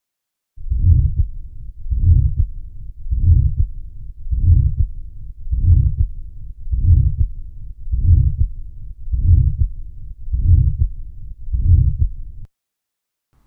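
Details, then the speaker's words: Aortic stenosis on a digital stethoscope recording: slow, regular heartbeat with a harsh crescendo-decrescendo systolic murmur swelling and fading between the first and second heart sounds. "so you'll hear the first heart sound in the second heart sound and then between those hearts you'll hear a systolic murmur that gets louder and then quieter it causes a murmur that sounds a bit like burrow dub"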